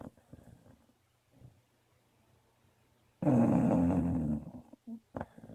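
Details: Dog snoring, getting louder as she falls into deep sleep: soft breathing noises, then one loud, rough, rumbling snore lasting over a second, with short snorts after.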